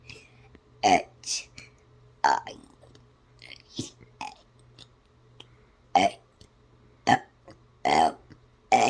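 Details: Deliberate, playful burping of the alphabet song: a string of loud voiced burps, about seven in nine seconds, shaped into letter sounds.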